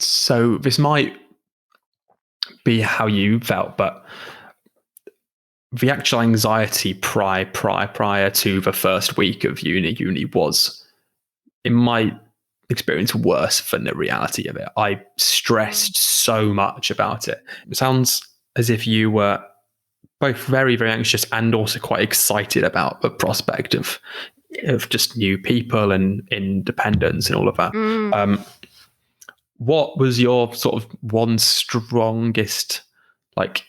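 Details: Adult woman who stammers, with repetitions and broken words; stammering.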